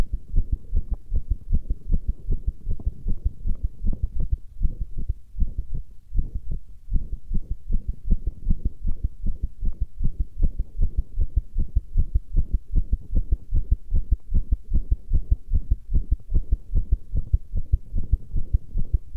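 Rapid, steady low heartbeat thumps at about 150 beats a minute, with a low hum in the background.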